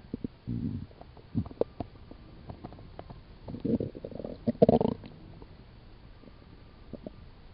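Low gurgling rumbles in a few bursts over quiet background; ordinary stomach growling from gas and fluid moving through the gut.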